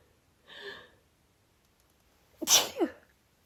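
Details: Female sneezing nonstop for about a minute and a half for no clear reason: a soft inhaled catch, then a sharp sneeze burst with a short trailing second burst; stifled, tickly sneezes.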